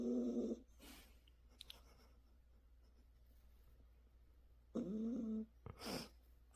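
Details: Sleeping Dalmatian dog with heavy snoring: buzzing, vibrating snores on breathing in, separated by quiet breathing, with a steady low room hum.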